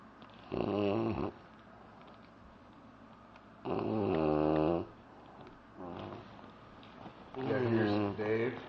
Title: DB Snoring